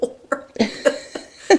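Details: Newborn boy's first hiccups after birth, filmed while he pooped: a run of six abrupt, squeaky catches about a quarter-second apart; infant hiccups.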